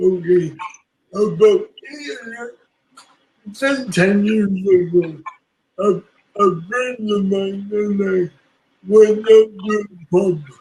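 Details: Adult woman with self-reported cerebral palsy, working as a public speaker; dysarthria (cerebral palsy).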